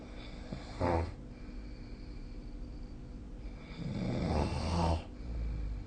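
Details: Snoring during sleep: two loud, rough, vibrating snores on breathing in, a short one then a longer one, with quiet room noise between.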